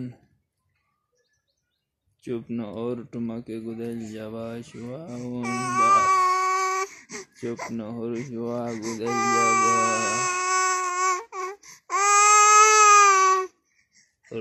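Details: Crying baby: bouts of whimpering build to loud, sustained, high-pitched wails with pauses for breath; an ordinary infant cry.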